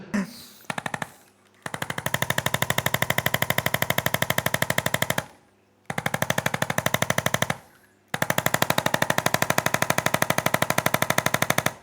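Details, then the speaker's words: Percussive manual-therapy instrument with a magnetic head used during an osteopathy/chiropractic session for severe scoliosis, with oil applied; rapid, steady mechanical tapping at about 190 pulses a minute in several bursts with short pauses. "यह स्कोलियोसिस के लिए एकदम सही है। आपको एक हल्की, दर्द रहित क्लिक महसूस होगी।"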